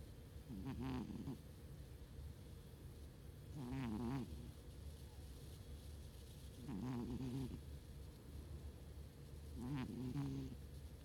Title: Chubbsy the snoring kitty